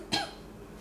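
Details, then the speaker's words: Single short, dry adult cough set off by a cedar-like smell from new toy kitchen parts; the speaker says they are allergic to cedar. "You hear that? Coughing. Cedar cough. I'm allergic to cedar."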